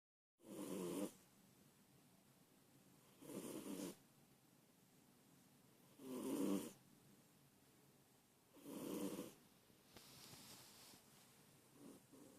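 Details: A cat sleeping sweetly with its tongue sticking out, snoring like a human: soft, rhythmic snoring at about 22 breaths a minute, with a rough purring sound on each breath.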